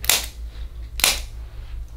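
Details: Single sharp click of a hand-held chiropractic activator delivering a light-force adjustment to the ribs, angled toward the front, left arm crossed over the shoulder, during chest and thoracic tension treatment.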